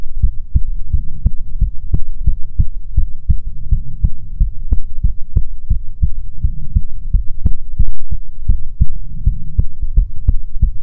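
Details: ASMR recording of soothing heartbeats: deep, steady thudding at around 100 beats a minute with a low hum; normal heartbeat.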